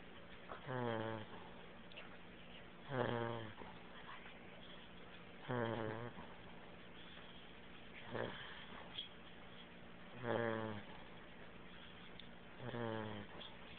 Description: My little beagle puppy fell asleep in my neighbor's arms, and he was snoring very loud.